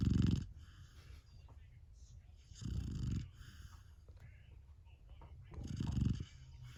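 Low rumbling snores recur about every three seconds, roughly 20 a minute, with faint room noise between them: a sleeping puppy snoring.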